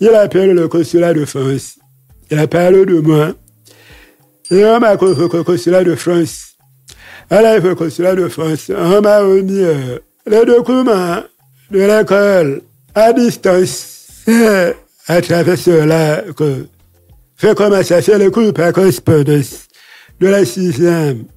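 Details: Adult man, deaf since childhood after an illness that caused his hearing loss, lip-reads, speaking French; deaf speech.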